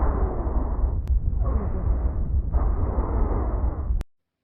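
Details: Chest auscultation with noisy breaths carrying faint musical whistling tones in inspiration and expiration, wheezes as heard in asthma and bronchitis; lung auscultation teaching demonstration.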